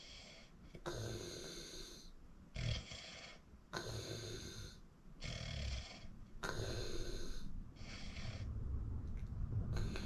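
Repeated harsh, rattling snores on breathing in and out, about five over ten seconds; heavy snoring during sleep.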